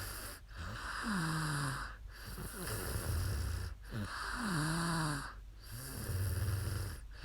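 Rhythmic rattling, buzzing snores on each breath in, with quiet gaps between; ordinary snoring during sleep.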